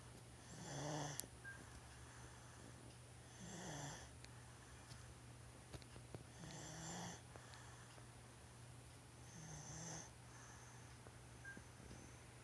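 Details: 1-year-old child snoring loudly: soft low snores with a breathy rasp about every three seconds, roughly 20 per minute, against a steady hum; ordinary snoring.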